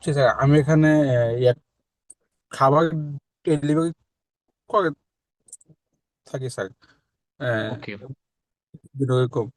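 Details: Adult man who has stammered since early childhood, speaking after a 3-month stammering therapy course; he reports improvement but some remaining difficulty in hard situations; stuttering.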